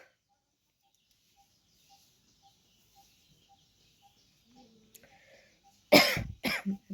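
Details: Real coughing from an adult woman with a persistent cough that began with a cold after a trip: after a quiet stretch with faint repeated beeps, two loud, harsh cough bursts.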